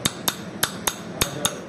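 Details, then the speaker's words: Surgical extraction of an impacted mandibular third molar by lingual split technique: six sharp metallic taps, about four a second, as a mallet drives a chisel into the jawbone to split the lingual cortex. "now we take the chisel mallet and we get ready for the lingual split"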